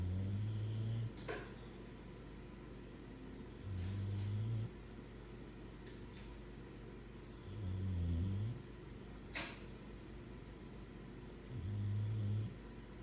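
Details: Bulldogs asleep: low, rumbling snores about every four seconds, roughly 15 per minute, steady and rhythmic; snoring.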